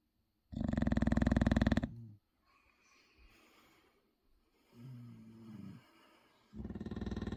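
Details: A 6-year-old English Bulldog sleeping and snoring loudly, likened to a jackhammer or traction engine; snoring.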